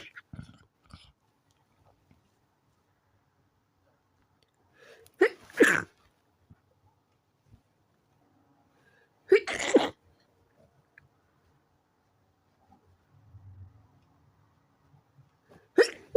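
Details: Three short, held-back sneezes in quiet, each a brief muffled burst, the middle one slightly fuller; stifled sneezes.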